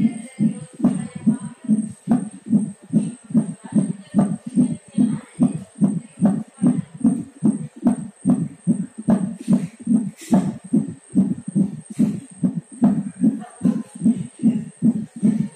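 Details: Fetal heartbeat at 9 months of pregnancy: fast, steady whooshing beats at about 145 per minute with a faint steady tone behind them, within the normal range.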